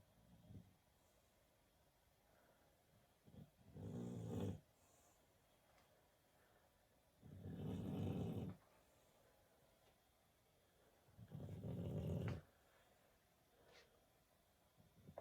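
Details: Sleeping dog giving low rumbling snores on each in-breath, about 15 a minute, with quiet pauses between; ordinary snoring.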